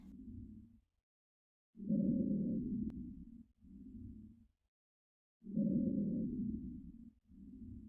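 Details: Simulated bronchial breathing from an online auscultation simulator's bronchial site: loud, hollow breath sounds with a short gap between phases, about 16 breaths a minute.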